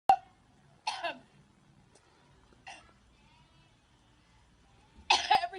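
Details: Adult coughing repeatedly for about two minutes straight; three separate dry, harsh coughs a second or two apart against quiet room noise.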